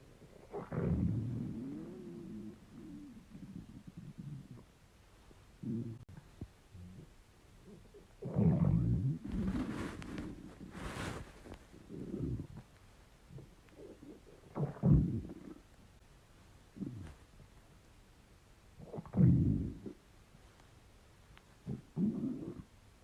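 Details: Borborygmi from an empty, slightly gassy stomach: low, irregular gurgling and rumbling bursts, ordinary hunger rumbling.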